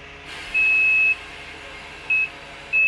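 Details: Transport ambulance ventilator switched on after oxygen supply connected, assist-control mode: low machine hum, then a long beep and two shorter beeps; ventilator start-up beeps.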